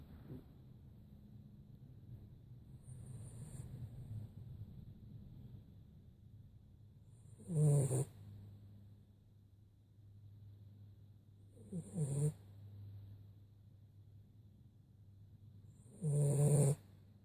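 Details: Loud snorting snores recur at irregular intervals over quiet breathing, with a low steady hum in the background; ordinary snoring.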